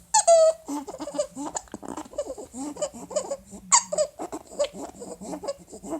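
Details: Infant with laryngomalacia, struggling to breathe: repeated high-pitched, squeaky, crowing inspiratory noises, typical of inspiratory stridor from laryngomalacia.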